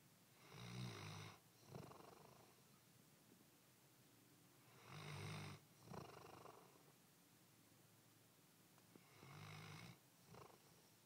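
Three snores over eleven seconds, each a rough, fluttering inhalation followed by a softer breath out, about 14 breaths a minute. Ordinary snoring.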